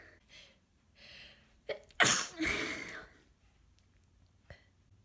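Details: Adult with a congested, snotty cold of a few days, sneezing fits: sharp inhaled gasp, then one loud explosive sneeze with trailing breathy release, some sneezes stifled; sneezing.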